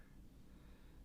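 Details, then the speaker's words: Quiet, low, rough snorting rumble of a small pug snoring in the background of a room; snoring. "yeah sorry if you can hear snoring that's my little pug"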